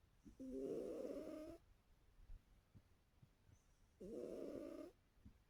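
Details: Orange cat with a snoring habit: two long, rattling, buzzy breath sounds a few seconds apart, with quiet between them.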